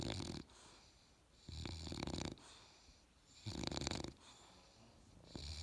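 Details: Australian Bulldog puppy snoring in sleep: rhythmic rattling snores on each breath, about 33 a minute, with quiet pauses between.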